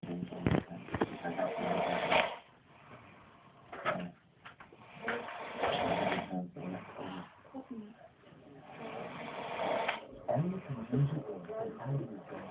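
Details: Older brother, who claims he doesn't snore, asleep: loud, rough, rattling snores in repeated bursts with quieter breathing between, recorded in a small room; ordinary snoring.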